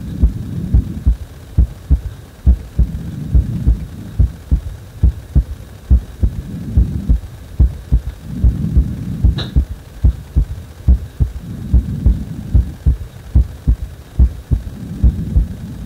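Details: Heartbeat heard after chest compression: steady low thumping at about 71 beats a minute with a soft whooshing swell between beats.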